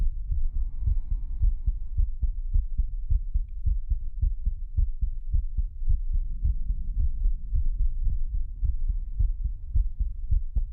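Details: Pre-recorded heartbeat for an ASMR stream on a 3Dio binaural microphone: steady, deep, low thumps at about 107 a minute with a faint hum behind; a normal heartbeat.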